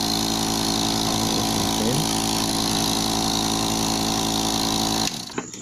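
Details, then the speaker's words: Apex nebulizer compressor (model 100200), working again after being greased: a steady buzzing motor hum with air coming out, cutting off near the end. "Subukan natin sa pag power on yun guman na siya mga guys Ayun umikot na Yung lower wow May hangin na siyang lumabas dito"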